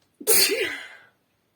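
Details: Woman sneezing after saying "itchy", then blowing into her hand: a single sharp, explosive burst of air with a brief voiced onset; one sneeze.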